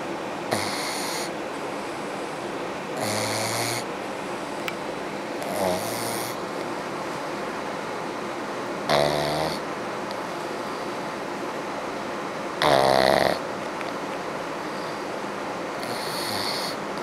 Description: my pug snoring away....lol